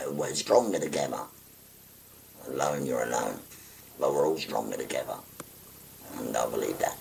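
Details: 57-year-old man after total laryngectomy for stage four laryngeal cancer, speaking through a voice prosthesis by pressing a button to occlude the neck stoma; tracheoesophageal speech after total laryngectomy.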